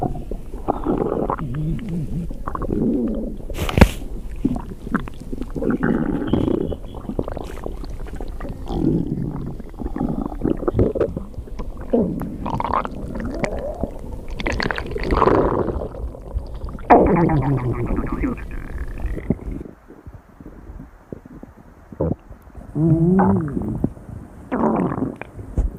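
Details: Long, low gurgling and rumbling stomach noises from a person who was very hungry: hunger growling, borborygmi.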